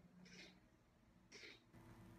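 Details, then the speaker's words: Two wet, snuffly hissing breaths through the blocked nose of a kitten just under 200 grams with upper respiratory infection: congested, stuffy breathing. "that's a stuffy kitty that's a really hard one"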